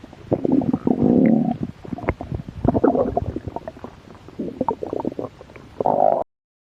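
Low gurgling, rumbling bursts with bubbly pops: ordinary stomach growling from mild hunger.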